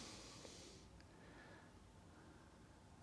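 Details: Endoscopic ear wax microsuction of a difficult anterior-recess wax impaction in a patient feeling blocked in both ears: steady low hiss of the suction tube with a brief rushing burst as wedged wax is drawn in.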